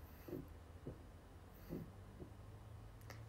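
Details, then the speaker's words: Young woman (20) on a livestream, her stomach growling: soft, low gurgling rumbles in short bursts in a quiet room, borborygmi. "おなら、おなら、お腹鳴ってる？お、聞こえますか？私のお腹の"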